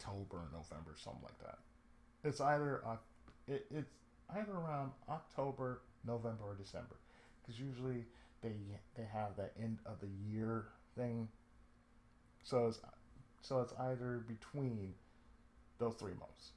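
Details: Adult male with cerebral palsy, lifelong, with speech problems since childhood; he reports an occasional lisp, breaks where he cuts himself off mid-sentence, pauses, and a drawl he calls sudden and sleepy; speech affected by cerebral palsy.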